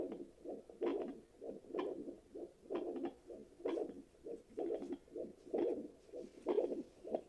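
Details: Fetal Doppler heartbeat check after delivery: a handheld Doppler picks up rhythmic whooshing pulses at roughly 60–70 per minute, a normal adult heartbeat.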